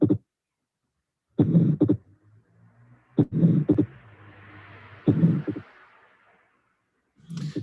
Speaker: this is an ejection murmur is ejection because it's diamond shaped it does not cover throughout syo there is an empty space at the beginning and this is a fixed Split Second sound with the atic and pulmonic component